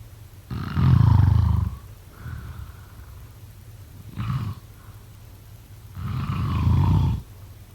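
Loud, low, rattling snores on breathing in, with quieter breaths out, about 11 breaths a minute.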